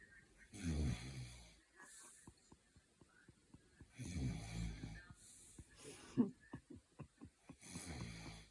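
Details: Two loud rattling snores on the in-breath with soft clicking and smacking between them, in a quiet room; whether the snorer is the man or the dog is unclear; snoring.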